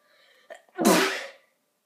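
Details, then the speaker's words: An adult sneezes once while recording a gaming video: a short indrawn breath, then one loud explosive burst fading within half a second, over faint room hum. "Oh, sorry. Okay, so I sneezed a couple of times there and I got one on, it was on normal video, so, oh no."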